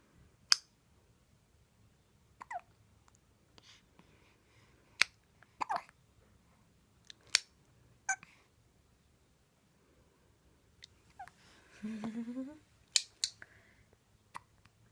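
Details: A baby chatting in a morning session with her mother has repeated short, sharp catching hiccup sounds at irregular intervals, about nine in fifteen seconds, with brief babbling; hiccups.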